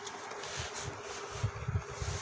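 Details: Steady low whirring hum with a faint constant tone from a ResMed CPAP device set to auto-set pressure mode: CPAP machine running.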